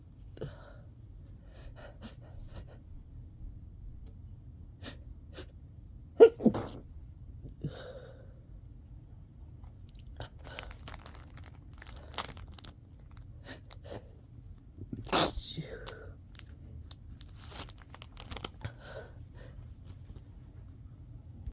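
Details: Person tired of sneezing, trying to stifle the sneezes: a few sharp sneeze bursts with short breaths between, in a quiet room. Repeated sneezing.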